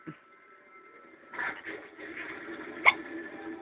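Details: Two short, sharp hiccup sounds from a young woman over a few seconds, with steady background music or running water audible: hiccups.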